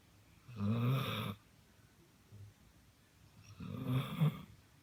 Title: Cora snoring